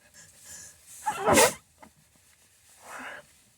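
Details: Sneezing attack with nose blowing: a single forceful sneeze with a brief intake before it, then a softer nasal blow.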